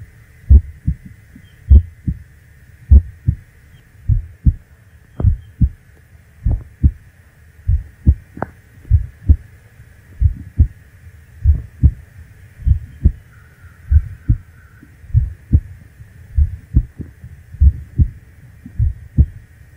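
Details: Recording of the uploader's own heartbeat: slow, steady, loud paired lub-dub thumps at about 50 beats a minute; normal heartbeat.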